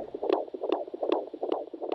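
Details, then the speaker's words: Fetal heart sounds on handheld Doppler used by midwives: rapid, regular whooshing thumps at about 150 a minute, likened to a galloping horse; a normal fetal heartbeat. "traditionally midwives have monitored a fetal heart rate at key stages in the delivery of a baby sounds like a galloping horse"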